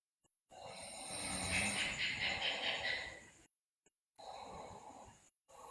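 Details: Sleeping girl snoring loudly, with bruxism and delirium noted: harsh, rattling noisy breath followed by quieter ones with gaps; snoring.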